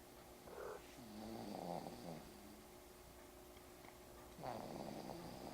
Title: snoring.MPG